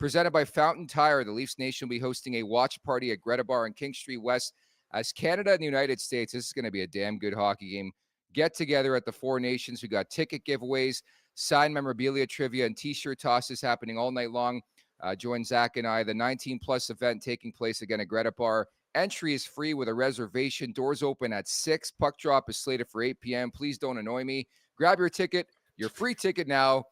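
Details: Adult male speaker; normal speech.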